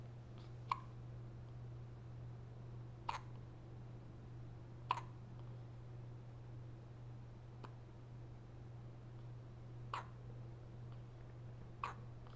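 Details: Ordinary hiccups: six short, sharp hiccups several seconds apart over a steady low room hum.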